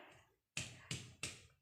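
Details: Resonant percussion note.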